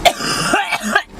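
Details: One brief cough followed by a throat-clearing sound, heard during a casual conversation while tasting food and drinks.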